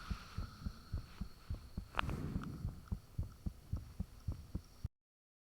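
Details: Self-recorded own heartbeat with the fan turned off, taken shortly after the heart began feeling unusually thumpy: fast, clear lub-dub near 110 a minute, a brief rushing swoosh midway, steady background hum.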